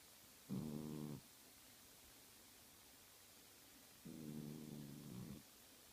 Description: My cat snoring and twitching while sleeping.